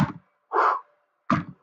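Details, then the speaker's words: Spoken imitation of a systolic heart murmur in a valvular heart disease lecture: a thump, a hissing whoosh, then another thump, noted as not easy to hear on auscultation; systolic murmur, vocal imitation. "eso sería, así escucharían ustedes. La pregunta ¿es fácil escuchar el soplo sistólico? No, no es fácil."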